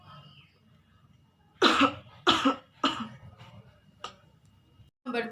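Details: Simulated cough demonstrating cough etiquette during COVID-19, covering the mouth with the inner elbow: three deliberate, slightly muffled coughs, then a softer throat sound.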